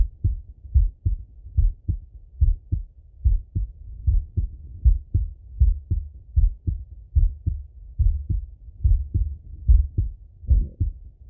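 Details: Male heartbeat auscultated with a stethoscope, recorded either sitting at a desk or lying in bed: regular lub-dub at about 72 beats a minute, two clear sounds per beat, no added noises; normal heart sounds.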